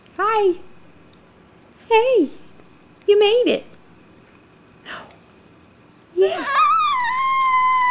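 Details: Six-month-old baby girl, very tired after a morning of tummy crawling and minutes from falling asleep: short bursts of fussy whimpering and wailing separated by pauses in a quiet room; mild fussing infant cry.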